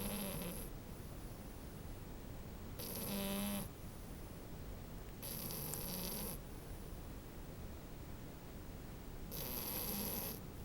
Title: snoring french bulldog puppy